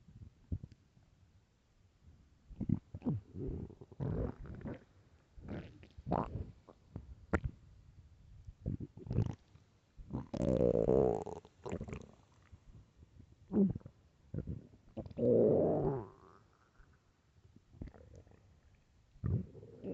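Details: Hunger stomach growling (borborygmi): loud gurgling, rumbling and squeaky growls in irregular bursts, described as starving; normal.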